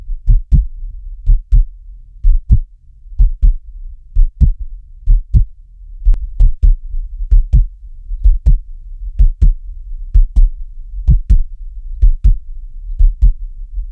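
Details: Steady, regular normal heartbeat at about 62 beats a minute, each beat a clear lub-dub pair, presented as a relaxation sleep sound.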